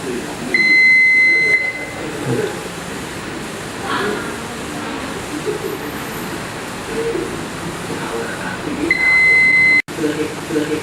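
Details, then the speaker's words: Infusion or syringe pump alarm on a ward caring for children with leukemia and chemotherapy-related fatigue: a loud, high, steady tone sounds twice, about a second each, over room noise. "พยาบาลสามารถควบคุมเสียงโดยช่วยปิดเสียงแจ้งเตือนจากอุปกรณ์การแพทย์ต่างๆเช่นinfusionปั๊มไซริงปั๊มเมื่อได้ยินเสียงแจ้งเตือนควรรีบปิดเสียงไม่ให้มีเสียงดังรบกวนเด็กป่วยนาน"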